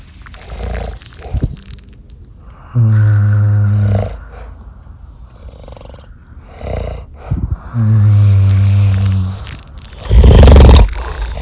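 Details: Eight high school friends sleeping over, snoring: very loud, deep, buzzing snores with a hum-like tone and a harsh snort between, with some background noise.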